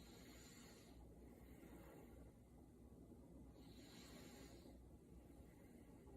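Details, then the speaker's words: Student nurse auscultating a healthy adult's anterior chest lobes with a stethoscope during deep breaths: soft, even airflow with no wheezes or crackles, clear and equal bilaterally: normal breath sounds. "great so again lung sounds were clear and equal bilaterally to all lobes so that sounds great"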